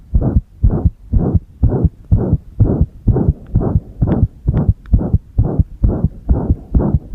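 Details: Rapid low heart thumps, about 128 per minute, with uneven spacing between some beats, recorded with the heart pressed while a single-lead ECG was being used; irregular heartbeat (arrhythmia).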